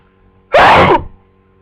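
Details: Single loud, explosive sneeze in a quiet room from a person with flu for 2 days, only now becoming sneezy.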